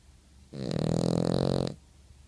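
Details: Dog snoring: a single long, low, rattling breath sound, steady for about a second.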